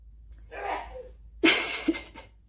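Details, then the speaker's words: A single adult sneeze from the speaker's husband, a drawn-in breath then a sharp explosive burst, heard from a distance: sneeze. "don't know if you can hear that but my husband just sneezed"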